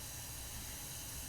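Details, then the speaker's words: A steady loud suction hiss during a simulated sterile open suctioning demonstration. The catheter is placed in the back of the oropharynx of a ventilated patient on 100% oxygen to remove secretions. "gently put the cath in the back of the oral fing leg so we don't have to go down too far cuz the fering is right there apply"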